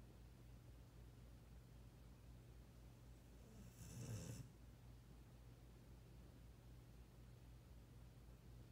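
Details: Sleeping 16-year-old dog: a single low, fluttering snore briefly standing out against steady low room hum; snoring.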